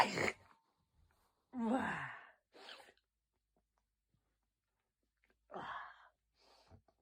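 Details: Gasping inhalations followed by sneezes, about two sneezing episodes in a quiet room; sudden hay fever sneezing.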